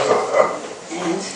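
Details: Short, forceful cough bursts from an adult man with high spinal cord injury, aided by manual compression of chest and abdomen, a two-person manually assisted cough.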